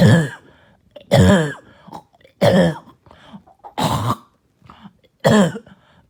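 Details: Child coughing all night with a harsh, hacking cough, heard here as five harsh, seal-like barking bursts; barking cough.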